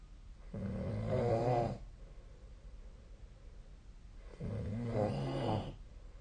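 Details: Two long, rough, rumbling breaths about four seconds apart, with quiet room noise between them; snoring during sleep.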